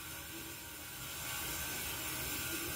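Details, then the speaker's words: An Omron automatic blood pressure monitor cuff inflates with a steady mechanical pump whirr rising slightly in level, measured at the same time as a Kospet Tank S1 smartwatch. "Okay, it's now checking our blood pressure. Let's see. So our Kospet Tank S1 is measuring, as well as the Omron."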